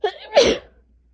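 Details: Person with a first cold of the season, asthma causing a tight, painful chest, three days of sinus pressure and two days of fever: a single loud sneeze, a brief sharp in-breath then an explosive burst of air.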